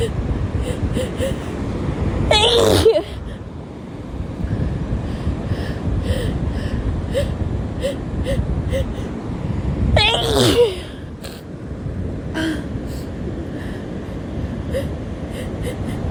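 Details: Two sharp sneezes from a female at the beach over steady crashing surf.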